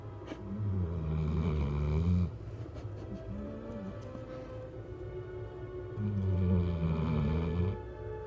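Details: Big black puppy asleep: low rumbling snores with music playing in the background; dog snoring.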